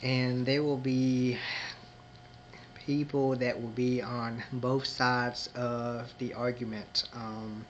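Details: Adult man who identifies as a person who stutters and may show moments of disfluency; stuttering.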